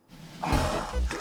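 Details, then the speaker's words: Middle-aged man's snoring recorded during an overnight sleep study (polysomnography) at an ENT clinic; very severe, snoring about 4 h 15 min of 4 h 50 min asleep; positive airway pressure treatment suggested; snoring. "코고리가 엄청 심하신 편이에요. 아까 4시간 50분 주무셨는데 거의 4시간 15분 동안 코를 고셨어요."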